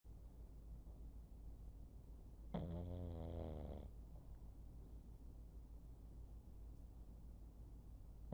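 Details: Pug snoring while resting on a chair with his chin on his back leg.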